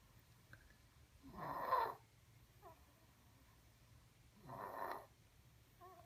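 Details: Remi, 11 months, snoring in 2014: two soft, rough snoring breaths about three seconds apart in a quiet room.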